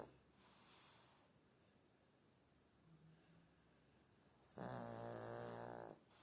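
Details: Person snoring loudly during sleep: quiet breathing followed by one long, low, rattling snore in a small room.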